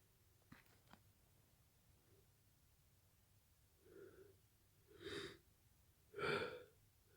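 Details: Late-night sneezing fit from a cold, woken by a nose tickle: after a few faint clicks, three sharp in-breaths, each louder than the last; gasping build-up before a sneeze, muffled into a pillow.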